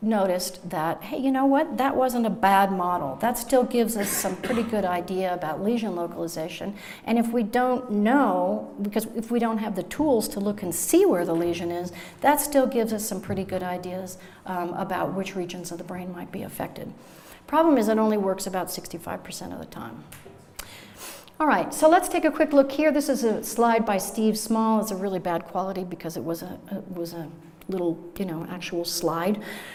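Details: Adult woman lecturing; normal speech.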